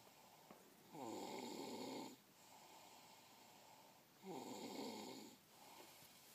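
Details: Person snoring: two long, rattling snores on breathing in, about three seconds apart, with quiet breathing between.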